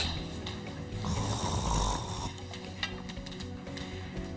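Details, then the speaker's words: Snoring: a characteristic snore played as an example during an ENT doctor's discussion of the difference between snoring and sleep apnea. "Un ronquido. Eso es el ronquido. Es el característico ruido."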